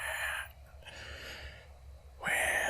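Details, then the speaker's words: Inhale pause in an infant pain cry, imitated by an adult lecturer: a loud cry burst, breath-holding pause with gasping big inhale, then another loud cry. "they'll let out these giant cry and then they'll be another pause because they have to take in a big breath so that way"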